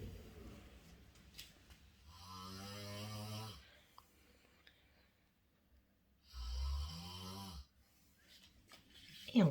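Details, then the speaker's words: Snoring by a sleeping man, recorded up close: two long, loud buzzing snores about four seconds apart with quiet pauses in a still room; the snoring was noted as quieter than during the night. "Ben, maintenant, il ne reste plus qu'à patienter après Monsieur Ronfleur. Vous l'entendez pas? Attendez, je vais me rapprocher."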